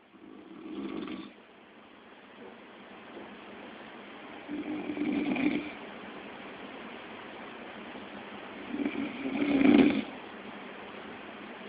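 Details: Three low, rough snoring breaths several seconds apart over steady background hiss; snoring in sleep.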